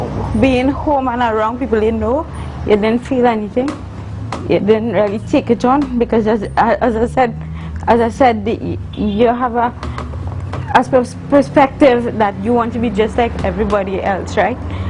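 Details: Adult woman, a university student born with cerebral palsy of the spastic and athetoid type (stiff muscles, uncontrollable movements), with dysarthric speech in cerebral palsy.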